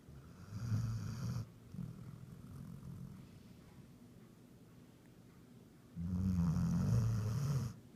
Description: Our 6 months old German Pointer snores like a grown man when she's sleeping by my side :-) :-)